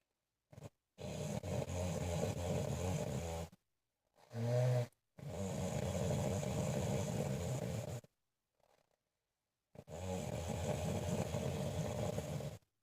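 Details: Loud, rough, rattling snores in long breaths with short silent gaps, from an adult woman (a mother) during sleep; heavy snoring.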